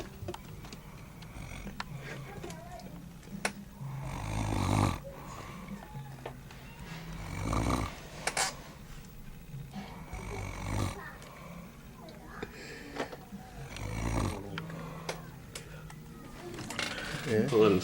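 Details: Person who fell asleep at Charlo's house, snoring: low rumbling snores roughly every three seconds under room noise.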